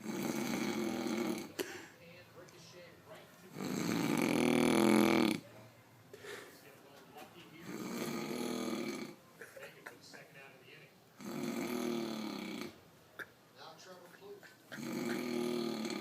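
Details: Father asleep who denies snoring: loud, rough snores repeating about every three to four seconds, with quieter breathing noise between; snoring.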